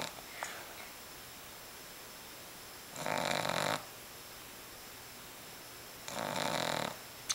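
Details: Boston terrier puppy with eyes open, giving two short, buzzing snores about three seconds apart over a steady background hum; dog snoring.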